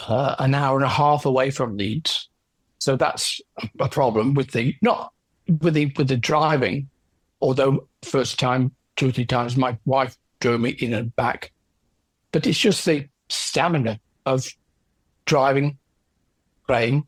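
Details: Aphasia in an adult male orchestral percussionist, 10 years after a stroke from a left middle cerebral artery blockage; initially no speech and right-sided weakness, since improved.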